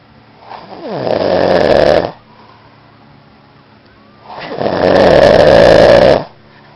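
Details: Snoring; possibly a father's snoring.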